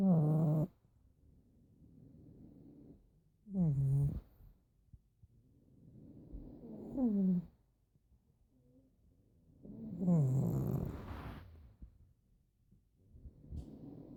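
Loud, rattling snores on each breath in from a sleeping flat-faced dog, with softer breaths out, about 17 breaths a minute.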